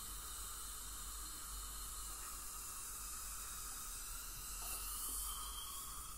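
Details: Professional teeth cleaning by a dental hygienist on a patient with heavy plaque and tartar, possibly gingival inflammation: steady high hiss with water spray and suction throughout; ultrasonic dental scaling.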